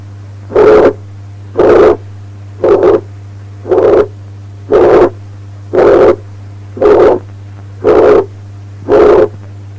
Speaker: Mitral regurgitation at the apex, a high-pitched blowing murmur which is pansystolic, that is reaches the second heart sound.